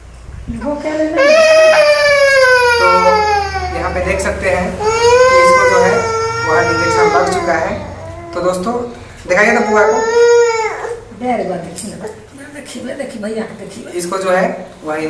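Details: Loud, high-pitched sustained wails with breaks for breath from a toddler about one and a half years old crying in distress after an intramuscular injection; adult voice in background.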